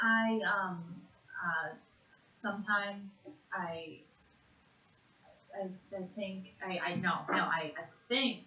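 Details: 56-and-a-half-year-old woman with severe conduction aphasia after a single stroke to the left side of the brain in June 2012, naming animals for one minute in a Western Aphasia Battery-Revised word fluency task; conduction aphasia.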